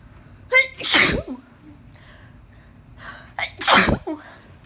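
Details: Uncovered allergic sneezing fit after dusting, 19 sneezes in all: two forceful sneezes, each with a rising in-breath before the burst.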